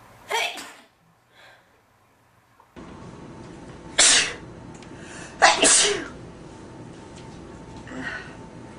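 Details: Male: several loud, explosive sneezes, one quickly following another, with quieter sniffing and breathy sounds between them; ordinary sneezes.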